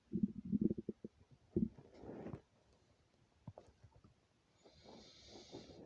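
Low gurgling rumbles and bubbling, then a softer drawn-out growl: stomach growling with hunger, a normal bowel sound.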